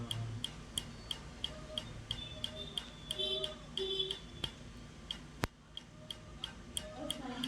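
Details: Laser tattoo removal on an old, poorly done tattoo, patient reporting a bearable burning sensation: sharp snapping clicks at about 90 per minute as the laser fires repeated pulses, with music and faint voices.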